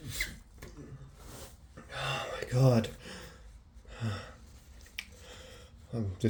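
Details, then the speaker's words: Man with a head cold, sneezing all day with an itchy nose: quick, wet sneezes with sharp nasal bursts and short gasps between; a rapid sneezing fit. "just so sick I've been sneezing all day there's another one"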